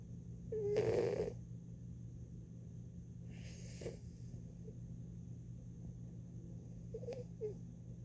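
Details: Snoring from a fat pet cat sleeping in a window.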